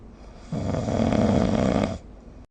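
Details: Snoring recorded with the SnoreLab app: one loud, rough, fluttering snore on inhalation lasting about 1.5 seconds against quiet room noise.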